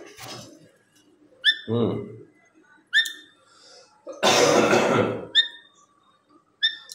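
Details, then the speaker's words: Man who says he has a slight cough, while with his pet birds: cough. "दोस्तों sorry थोड़ी सी खांसी है इस खांसी की आवाज आप सुन रहे होंगे"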